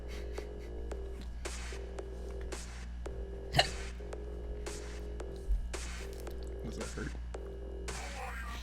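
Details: Streamer with intense hiccups: two abrupt, short gulping sounds a couple of seconds apart over steady background music.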